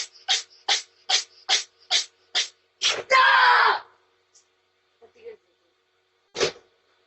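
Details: A healthy cat sneezes after being startled: a rapid run of about seven short snorting sneezes ending in a longer hissing blast, then one more sneeze; sneezing fit.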